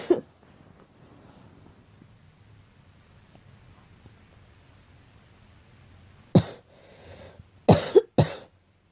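A single cough, a long quiet pause, then three quick coughs. Four coughs in a young girl.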